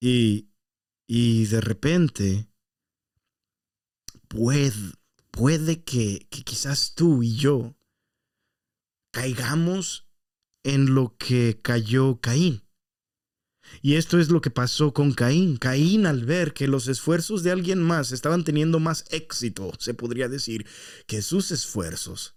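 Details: Spanish-speaking man who says he stutters and that his stuttering worsens after breaks from recording; stuttering.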